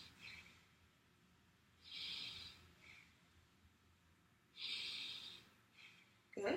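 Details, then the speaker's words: Two slow, deep breaths with soft airy inhalation and exhalation, no wheeze or crackles, as a nurse auscultates during a simulated hospital head-to-toe bedside assessment; normal, clear lungs. "okay thank you I'm looking to see that your lungs were clear and they are"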